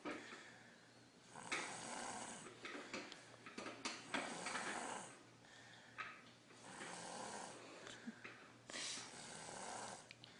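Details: A 3-year-old child snoring like an adult: loud, rough breaths in a steady cycle, about three within ten seconds, with noisy rattling on each breath; snoring.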